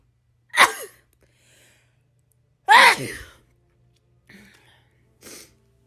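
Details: Two forceful sneezes followed by two softer ones, each an explosive burst of air, from a person in a compilation of rapid sneezes; ordinary sneezing.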